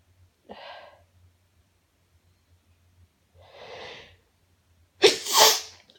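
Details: Nonstop sneezing bout with exclamations between: two soft inward gasps, then one sharp, loud explosive sneeze; repeated sneezing.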